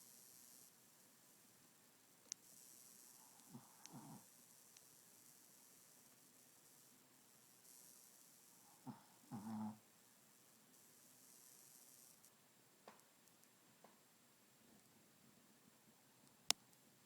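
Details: Two soft, brief snoring breaths from a sleeping animal in an otherwise quiet room with a faint hiss; snoring.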